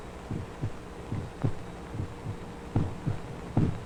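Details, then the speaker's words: Heart recording used to train students: paired low lub-dub thumps, about 75 a minute, somewhat rumbly and muffled over a faint hum; normal heart sounds at the aortic area. "this is uh for doctors to train uh students as to what to expect when they listen to a heartbeat it's a hot recording of a heartbeat"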